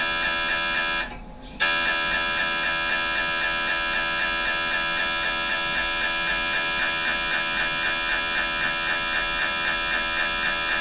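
Loud continuous buzzing tone with a rapid repeating pulse and a brief drop-out, typical MRI scanner noise during an imaging sequence.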